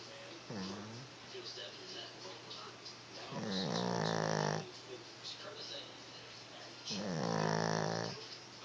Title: Snoring dog sounds human